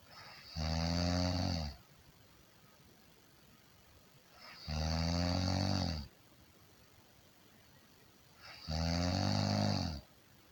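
Loud rattling snores on each breath in, about 16 a minute, with quiet breaths out between them.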